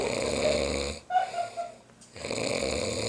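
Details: Loud, rough, rattling snoring during sleep with a brief quieter gap and faint whistle, recorded on a flip phone by friends to show the sleeper's doctor.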